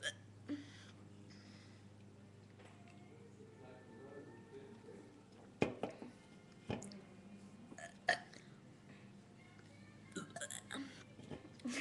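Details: Two girls in a burping contest: a few short burps over quiet room noise with faint background sound.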